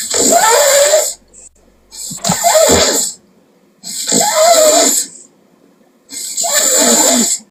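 Four loud, harsh, rasping snores about 29 a minute, each lasting around a second, with quiet pauses between; loud snoring.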